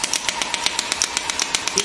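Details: Rapid sharp clicking pulses, roughly eight per second, from a GINHA HL1602 portable radial shockwave therapy handpiece firing during a physiotherapy treatment demonstration: shockwave therapy device firing.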